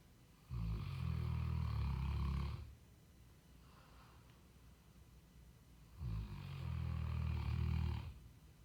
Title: Lord Loki Cane Corso Snoring